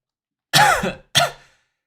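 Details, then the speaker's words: An adult gives two short, separate coughs, the first longer and rougher, while eating during a live stream; they don't know what's wrong and take a cough drop. "I got to take a cough drop. I don't know what's wrong with me."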